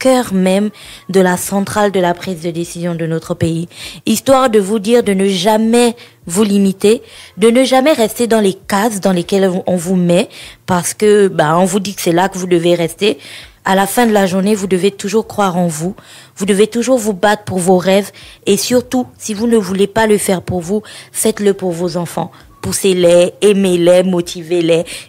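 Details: Adult woman speaking French; typical speech.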